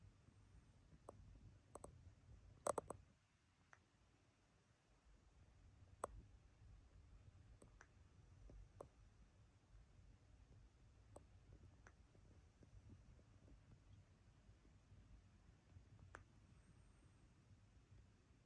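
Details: Himalayan Persian cat making faint, scattered sharp clicking noises at irregular intervals while sleeping in a quiet room.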